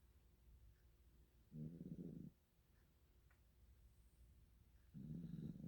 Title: Ikea snoring 2 082820